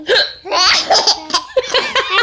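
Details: Young child laughing, high-pitched laughter broken by several abrupt catching sounds; hiccups during laughter.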